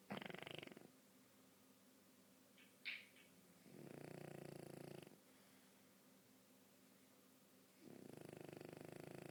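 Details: Sleeping dog snoring quietly: soft, buzzing breath sounds recur every few seconds over faint room noise.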